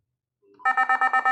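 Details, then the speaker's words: Defibrillator charging tone during testing with a defibrillator analyzer: the charge button is pressed and the unit charges toward 200–270 joules, then discharges automatically into the analyzer. "Press the charge button again and leave it until they reach the 200 270 jou and then it will discharge automatically."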